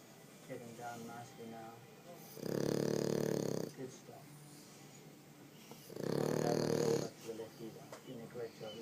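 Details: Two long, loud rattling snores about four seconds apart from a sleeping dog; snoring.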